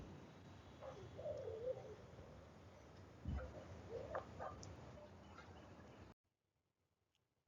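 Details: Newborn respiratory examination recording of wheeze and rhonchi.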